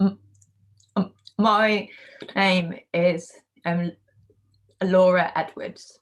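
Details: Stuttering in a woman, recorded before joining the McGuire Programme (untreated); she reports hiding her stammer by saying 'um' before almost every word and substituting feared words.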